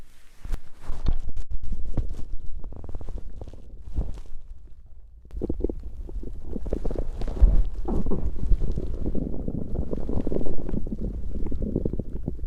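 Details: Stomach growling (borborygmi) from digestion rather than hunger: low bubbling gurgles and rumbles from the belly, rising and falling over several seconds.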